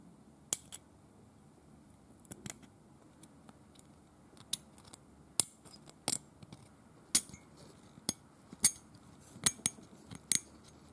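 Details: Dental scaling demonstrated on a painted teeth model, not a real patient: sharp, irregular scraping clicks of a hand scaler against model teeth.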